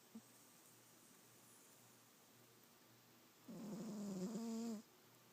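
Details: Quiet room, then one drawn-out, rumbling, slightly nasal snore lasting over a second from a person while asleep; snoring.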